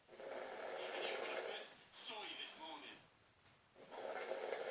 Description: My dad snores soooo bad that I thought I would take a video of him on his phone whilst he was snoozing to get my own back on him hahahahahaha :-D.